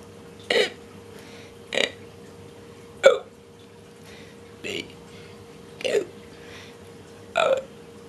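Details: Girl voluntarily burping the alphabet: six deliberate, evenly spaced burps in about eight seconds over a steady background hum.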